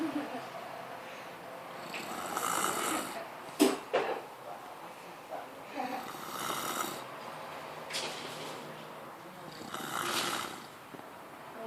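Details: Brother sleeping with mouth open, snoring: rough, fluttering snores on each breath in, about four in twelve seconds, with a snort midway; ordinary open-mouth snoring.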